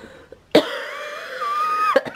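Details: Adult coughing, unable to stop: a single harsh cough burst followed by a drawn-out, strained voiced exhalation ending in a short catch.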